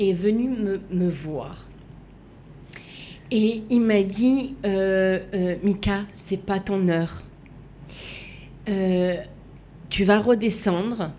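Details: Female left aphasic with right-sided hemiplegia after an accident and coma, resuscitated with a defibrillator; for years could not place her tongue correctly, fought 7 years to relearn walking and speaking; aphasia.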